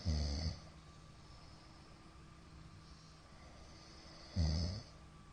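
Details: Middle-aged man asleep, recorded 2022-02-23; the recorder judges it sleep apnea from the count of shallow hypopneas. Two loud, low, rough snores about four seconds apart with quiet breathing between: obstructive sleep apnea snoring.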